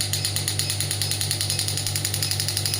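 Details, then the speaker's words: Biotronix pneumatic ESWT shockwave applicator firing, held on the hand: rapid regular mechanical tapping over a steady motor hum, about 12 pulses a second. "You can see the variation in the frequency up to 22 Hz. So now I am increasing the energy."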